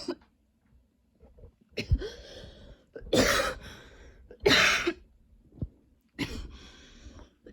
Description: coughing NONSTOP in this video, seriously i don't remember what it's like to NOT have long coughing spells, don't know why my throat still has a tickle